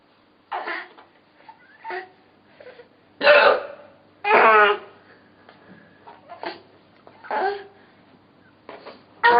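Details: An adult mother hiccupping, presented as funny: hiccups.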